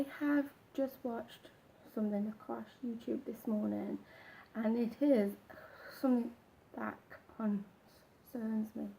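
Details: Man who stammers, more apparent when he does not practise and slips into old habits; stuttering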